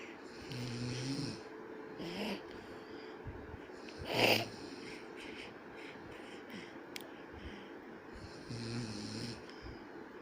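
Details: Snoring from a father sleeping beside his baby: rhythmic, low, rattling snores on breathing in, about every eight seconds, with quiet room noise between.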